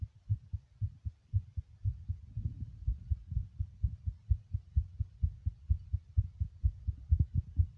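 Steady, fast, low heart thumps, paired lub-dub beats at roughly 110 to 130 a minute; a quick but regular heartbeat.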